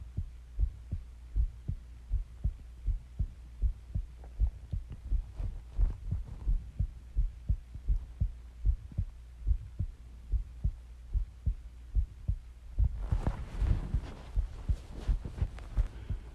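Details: Steady, regular low thumps about 80 beats per minute with some rustling near the end, from a long recording of a person's heartbeat and breathing; normal heartbeat.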